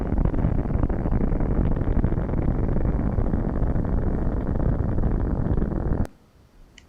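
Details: Needle EMG on a volunteer during maximal voluntary muscle contraction, Neuro-MVP Micro device: dense, continuous roaring static, a normal full interference pattern with amplitude and frequency within normative values.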